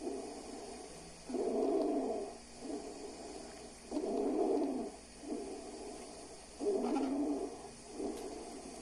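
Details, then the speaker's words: Lung auscultation with a stethoscope in a respiratory physiotherapy demonstration: a harsh, high, crowing noise repeating with each breath, about 22 breaths per minute, from a narrowed upper airway; stridor. "o próximo som é o estridor"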